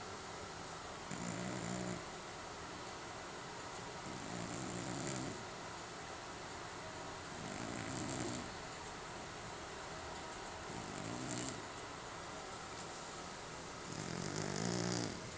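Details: Snoring in a sleeping cat: soft, low rumbling breath sounds recurring every few seconds over a steady background hiss.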